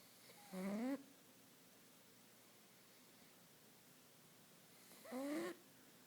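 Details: A sleeping pug dog snoring: two short, snorting, rising snores about five seconds apart in a quiet room.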